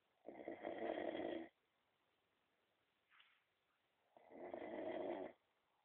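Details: Heavy snoring: two long, loud, rattling snores about four seconds apart, with quiet pauses between them.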